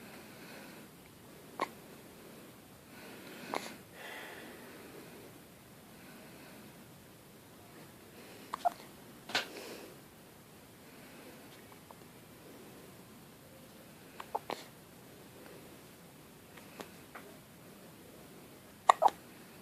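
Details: Baby boy with hiccups: soft, sharp little hiccup catches at irregular intervals in a quiet room.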